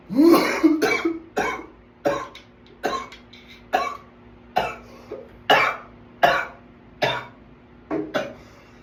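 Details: Runaway coughing attack: about twelve harsh coughs in quick succession over nine seconds, each a sharp burst fading away; a sustained coughing fit.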